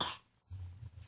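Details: Young boy who is ill with a cough: a single harsh cough burst followed by a low voiced sound.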